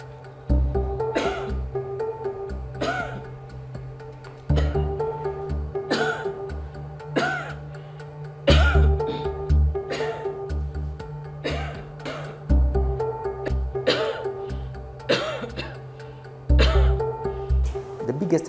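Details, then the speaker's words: Adult coughs recorded for a Kenyan AI app trial aiming to tell tuberculosis coughs from those without disease: about a dozen short, forceful coughs, one at a time, over background music. "they are seeing whether the software can distinguish between coughs of people with a disease and those without"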